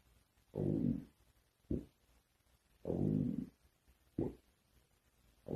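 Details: A woman's stomach growling (borborygmi): low gurgling rumbles alternating with short bursts, recurring in irregular waves.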